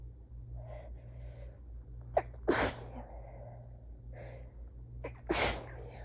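Two forceful sneezes, each preceded by a quick gasping inhale, against a low room hum: repeated sneezing during a sneezing fit.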